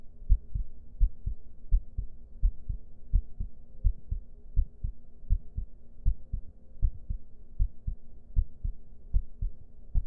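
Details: Regular low thumping heartbeat, about 85 per minute, over a faint steady hum, during an ASMR stream. Normal heartbeat with normal rhythm.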